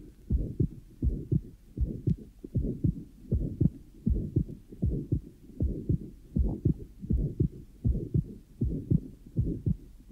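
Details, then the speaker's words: 14-year-old boy with atrial septal defect, lower sternal border, regular heartbeat around 79/min: soft scratchy diastolic murmur; tricuspid diastolic flow murmur. "listen again to the recording of the 14-year-old boy with an atrial sepal defect and concentrate now on diast to hear the scratchy tricuspid murmur which is recorded at the lower sternal border"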